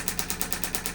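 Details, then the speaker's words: Radial shockwave therapy on a chronic condition, treated around a joint with gel to break up adhesions: rapid, sharp tapping pulses, about nine a second, from the handpiece sending pressure waves into tissue. "And again, as you hear this in a moment, you're going to hear some pulsing sounds, and that is just the instrument sending sound waves into those tissues, breaking up adhesions."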